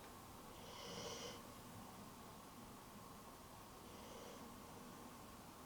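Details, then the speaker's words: Two soft, noisy snorting breaths about three seconds apart from a dog sleeping nearby, against quiet room noise: snoring. "sorry that you can hear rocco sleeping and snoring but he's right over here so that's just you're just gonna hear it"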